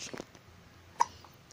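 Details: A single short, sharp hiccup from an infant, with faint room noise.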